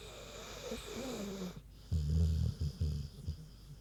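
A soft squeaky breath, then deep rumbling snorts in short bursts from a sleeping pig; ordinary snoring.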